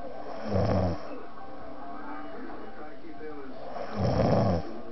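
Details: Two loud, low, rattling snores about three and a half seconds apart over steady room hiss; epic heavy snoring during sleep that "shakes the walls."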